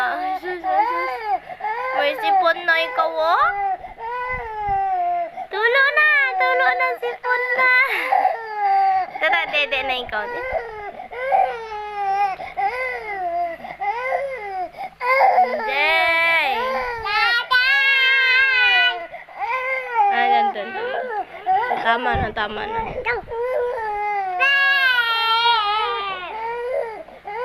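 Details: Very hungry infant crying: repeated, rising, insistent wails with brief breaths between; infant hunger cry.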